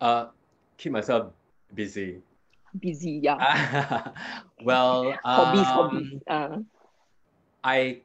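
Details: Adult man with aphasia after a hemorrhagic stroke 2 years ago; it was initially severe, with no speech in the first week, and he still struggles to complete sentences and gets stuck on basic words; improved with speech therapy; aphasia.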